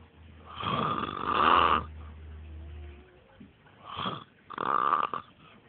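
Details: Adult man (the recorder's dad) asleep on a trampoline, snoring loudly: harsh, rattling snores with a buzzing quality and short pauses between breaths; heavy adult snoring.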